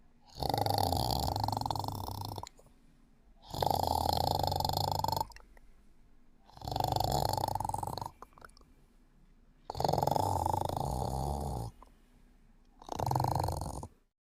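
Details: Sleeping cat snoring: rhythmic rumbling snores, five long breath sounds with quiet gaps between.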